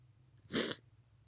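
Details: Single sharp, breathy sneeze from a person, about a third of a second long, against quiet room noise.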